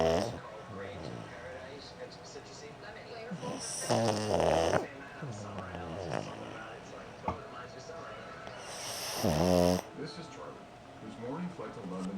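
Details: A sleeping pug snoring loudly: rattling snores with snorting catches, about 12 breaths a minute, with faint television talk behind.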